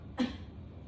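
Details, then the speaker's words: A single brief, soft voluntary cough made on request during a comprehensive exam, while the examiner palpates the epigastric, umbilical and inguinal areas in a hernia check and asks about pain. "As I'm pulping, I'm going to have you cough and just let me know if you feel any pain."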